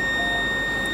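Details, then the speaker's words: Defibrillator system check demonstrated in teaching: after selecting system check and pressing charge, a steady high continuous tone as it charges for the self-test before discharge; defibrillator charging tone. "उसके बाद आपको क्या करना है? इसी को charge करना है। चार्ज करने के बाद आपको इसे डिस्चार्ज करना रहेगा।"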